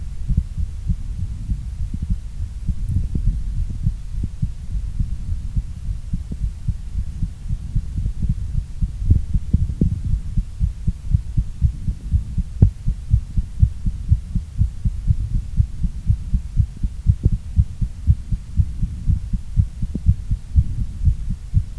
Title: Increasing heartbeat sound during workout + short recovery